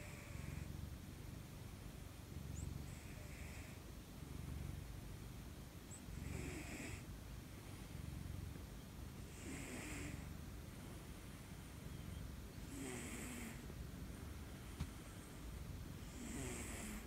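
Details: Cats sleeping together at night, two brother cats and a younger white cat in a cat pile, give soft, regular low snoring, about 30 breaths a minute, with faint airy snuffles. Snoring.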